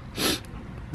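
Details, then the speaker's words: Sick, weight-losing dog with nosebleeds, an eye problem and poor appetite, previously treated with steroids, gives a single short, wet, snorting cough; she coughs and spits blood a lot. "she's losing weight you can hear in the background coughing spits that blood a lot as you can hear"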